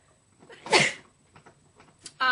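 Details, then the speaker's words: Single forceful sneeze with a quick in-breath and hissing burst, followed by quiet breathing; woman sneezing while doing makeup and apologizing. "oh God let me sneeze excuse me Sor you can never be too clean I got to sne excuse me excuse me excuse me sorry"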